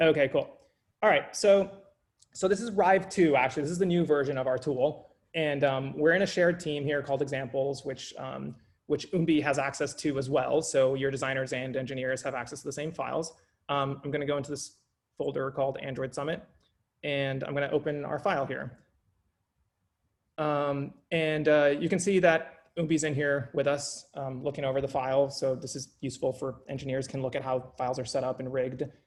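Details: Adult male speaker; no disorder.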